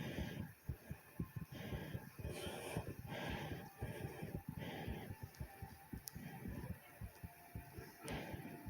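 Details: Person's own fast heartbeat and breathing recorded: rapid low thumping beats over a steady background hiss. Tachycardia.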